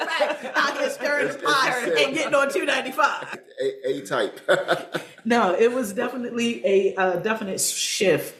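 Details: Aphasia in an adult woman, a stroke survivor with post-stroke aphasia about seven years after onset.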